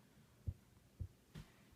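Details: Normal heart sounds heard during a health assessment exam.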